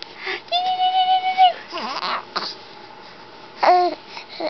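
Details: Infant girl who has just spat up: two brief, tonal fussing cries with soft vocal sounds between them and quiet room noise.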